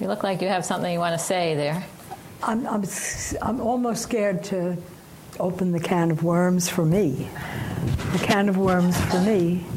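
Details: Woman aged 89, recovering from stroke-caused aphasia, reports her syntax still breaks down; post-stroke aphasia.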